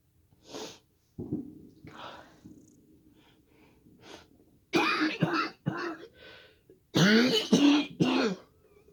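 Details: Choking on fireworks celebration smoke in the air: harsh, repeated bursts of coughing with gasping breaths between, an irritated-airway cough.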